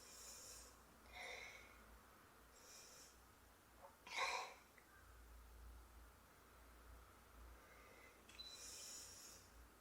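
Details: A model sneezing, in a sample clip recorded with her permission; sneezing.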